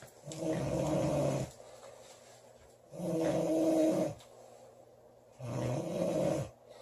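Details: Girl snoring in sleep: loud, deep, rumbling snores, three in under seven seconds, with softer breathing between.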